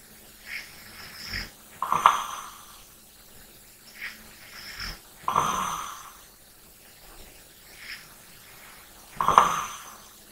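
Soft, rhythmic breathing with three snorting snores about every 3.5 seconds, roughly 17 a minute. Light snoring during sleep.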